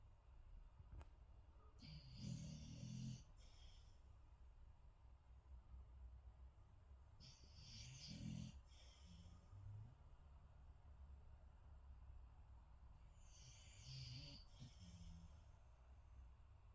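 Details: Quiet, rough snoring breaths with soft snorting noises, about three breath cycles in seventeen seconds; ordinary snoring.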